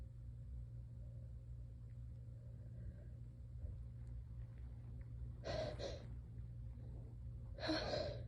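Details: Exhausted person: quiet build-up over a steady low hum, then two forceful, intense sneezes in quick succession.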